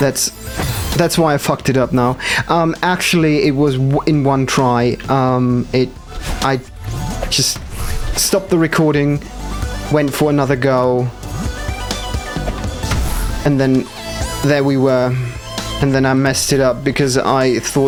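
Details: Stuttering with audible repetitions in a male gamer, who says it appears when he must focus hard, especially on demanding parts not yet in his muscle memory.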